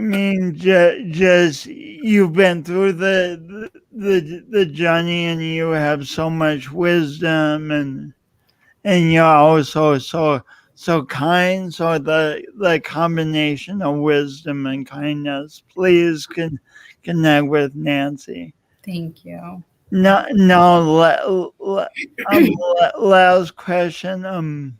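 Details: Adult male with a self-described speech impediment; repetitions of words and sounds; stuttering.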